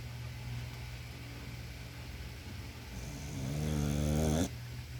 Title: American Bully snores like a human being